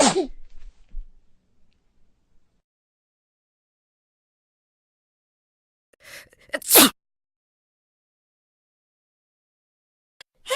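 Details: Sneezing in different voices: sharp sneezes separated by silence, one at the start, one preceded by a quick breath in, and another beginning at the end.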